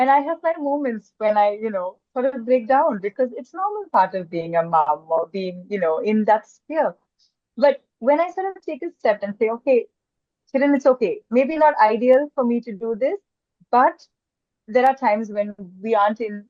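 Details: Adult woman speaking; typical speech.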